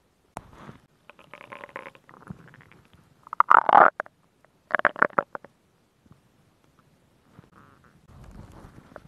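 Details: Woman's stomach growling recorded for ASMR: bubbling, gurgling bursts and rumbles of ordinary gut sounds.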